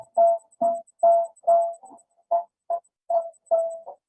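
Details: Left displaced abomasum: short, clear, ringing metallic pings repeating about twice a second, with quiet gaps between them.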